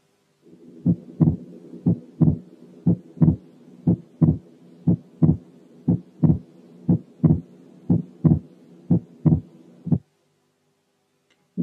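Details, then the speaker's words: Second heart sound split into two components, more clearly separated than in the previous example; split S2 is heard over the pulmonary area, perhaps along the left sternal border, and is normal especially in children. "ده اوضح لان التو كومبوننتس ابعد عن بعض من المثال الاول."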